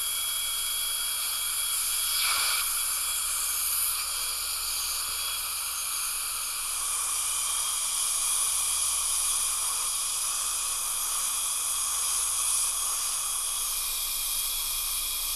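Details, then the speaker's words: High-speed dental handpiece with an LVS1 0.5 mm depth-cutting diamond making half-millimetre depth cuts to begin veneer preparations on a patient's lower premolars, canines and lateral incisor; steady high-pitched hiss and whine. "this is the lbs one 0.5 millimeter def cutting diamond that i'm using here to begin my veneer preparations"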